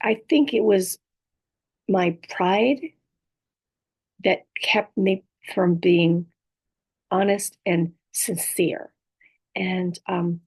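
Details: Adult woman with apraxia of speech, dysarthria and aphasia after a stroke; apraxia of speech with dysarthria and aphasia.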